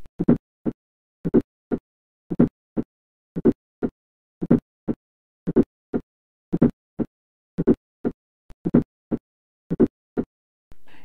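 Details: Fourth heart sound (S4, atrial gallop) just before the first sound, heard at the apex with the stethoscope bell applied lightly; loud in hypertension and coronary artery disease.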